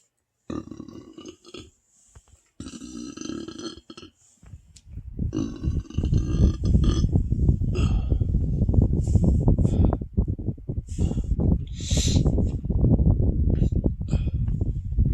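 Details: Deep, low, drawn-out burps rolling into long rumbling belches after a large meal of a whole box of pasta with marinara and ricotta, about 15 meatballs, then cake and ice cream.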